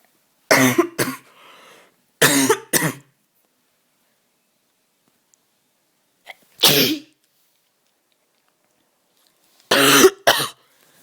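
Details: A person who says they are still very sick, coughing and sneezing all day, has four separate coughing bouts, most of them double coughs, with quiet pauses between them; cough.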